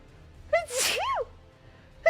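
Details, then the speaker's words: Quick voiced intake, then a forceful sneeze with rising-falling cry and another starting; rapid repeated sneezing from a female streamer, who says her sneezes spray a mist of spit. "I'm so wet from sneezing oh my God when I sneeze nothing comes out of my nose but I do like a mist of spit do you know what I mean"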